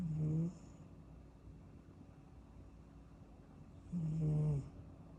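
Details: Napping kitten: two soft, rumbling snores separated by a few seconds of quiet breathing; ordinary sleep snoring.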